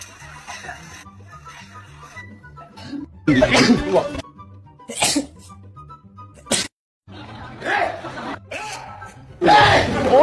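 Several loud, abrupt sneeze bursts from different people, with music and chatter in the background.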